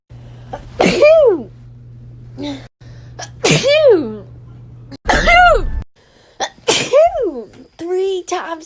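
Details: Person sneezing, from a compilation of a year of their sneezes: four loud, voiced sneezes in quick succession, each a sharp burst with a falling 'achoo' cry, low room hum.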